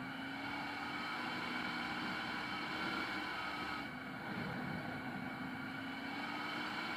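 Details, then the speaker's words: ResMed AirSense 10 CPAP with humidifier tank, new machine, whistling starting 2.5–3 hours into use at night, on inhalation not exhalation: steady airflow hum with a faint high whistle, a machine fault. "if your machine's making a whistling noise and this whistles when you're inhaling not when you're exhaling at least this one does"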